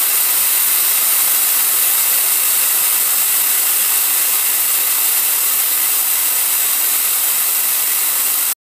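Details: Home liquid oxygen demonstration fill: loud steady rushing hiss of gas venting while a portable unit fills from its base unit (C41/C1000) with the open tab held down.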